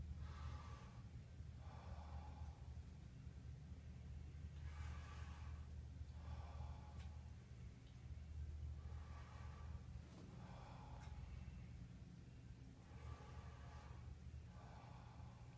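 Slow deep breaths, about four in-and-out cycles, smooth and unobstructed over a low room hum; normal clear breathing with no wheeze or crackle.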